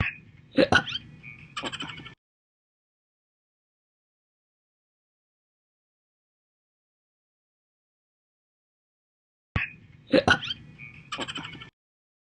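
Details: Person's own loud hiccups, recorded 2018 and 2021, audio only: two short bursts of sharp, abrupt gulping catches separated by long silence.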